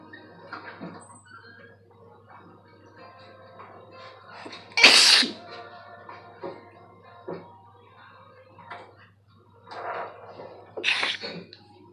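Two sharp, loud sneezes a few seconds apart over soft background music and low hum.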